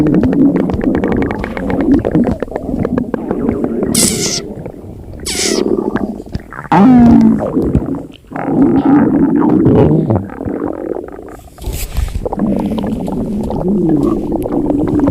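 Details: Extremely loud, continuous gurgling and rumbling with pitched squeals and creaks from a hungry, empty stomach; stomach growling (borborygmi).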